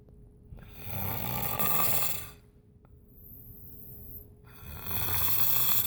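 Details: Loud rough snoring on breathing, with a quieter pause between breaths; snoring.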